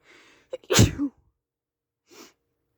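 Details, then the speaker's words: Person sneezing in a car: a single loud sneeze with a brief inward breath before it, then a quiet exhale; a normal sneeze. "I'm just feel really Sneezy right now oh God and I'm going to sneeze it's really"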